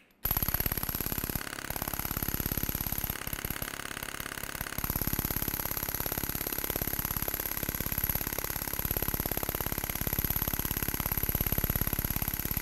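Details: Storz Medical radial shockwave device with Spine-Actor transmitter in treatment: rapid, steady mechanical tapping pulses, about 200 a minute, with a constant high whine.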